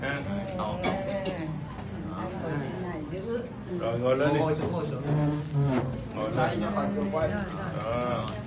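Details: Adult practitioner speaking; Normal speech.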